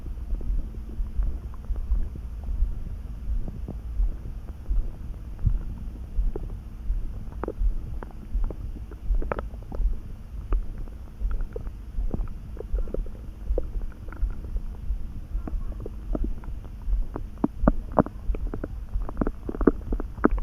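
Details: Stomach rumbling (borborygmi) that came on suddenly, neither hungry nor too full, felt in the pit of the gut and easing after a snack: low rumbling with scattered gurgles and pops over a steady background hum.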